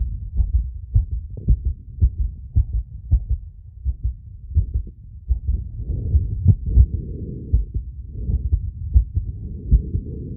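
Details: Phonocardiogram of own heart with ECG: fast, loud, unevenly spaced heart sounds, heavy breathing in second half; tachycardia peaking near 170 BPM with temporary arrhythmia induced by breath-holding, rapid squats and exhalation.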